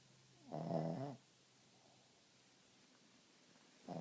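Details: A sleeping dog gives one short, low, rattling snore on a breath, then quiet until the next breath; loud snoring.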